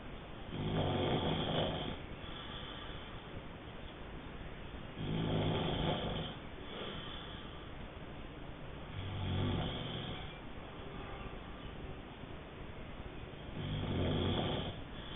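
Loud, rough, low snores on each breath in, about 15 breaths a minute, over steady background noise; typical snoring.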